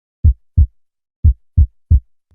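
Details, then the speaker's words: Heart with a small arrhythmia, played after a normal heart: low thumps with uneven spacing as an extra early beat breaks the rhythm; premature beat (extrasystole), a type of arrhythmia. "Ahí perdió el ritmo. Ese es un latido extra del corazón y se llama extracístole. Es un tipo de arritmia."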